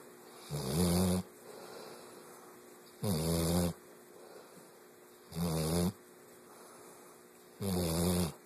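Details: Four loud, rumbling snores on breathing in, roughly every 2.4 seconds, with quiet exhalations between: regular snoring during sleep.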